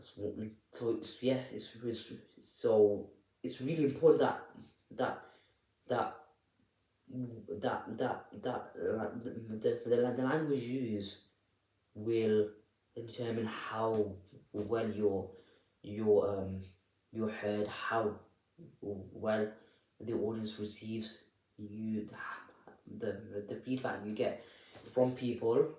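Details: Adult man with a stammer (stuttering) speaking unedited, with audible repetitions of words and phrases; stuttering.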